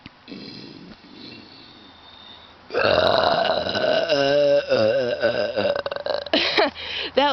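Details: Deliberate burping, recorded outdoors while sitting on a rock near a bluff edge: faint breathing, then one long, loud, rumbling, voiced, wavering burp lasting several seconds, ending in broken bursts.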